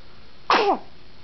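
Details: A baby boy who has hiccups at 4 am gives a single sudden, voiced burst of air: one sneeze in a quiet room.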